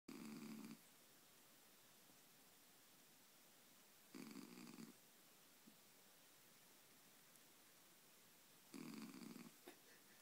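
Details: Sleeping cat: soft buzzing snores on the in-breath about every four to five seconds, roughly 13 breaths a minute, over quiet room hiss; snoring.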